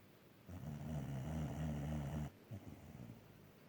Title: Dog snoring while she's awake